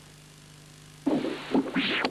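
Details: After a brief silence, rough whooshing pulsed-wave Doppler bursts with a harsh, scratchy edge: aliasing left ventricular outflow tract flow signal from a prosthetic heart valve assessment.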